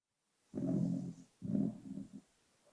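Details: Dog snoring, with the sound boosted but not overdubbed: two short, low, rumbling snores on successive breaths in a quiet room.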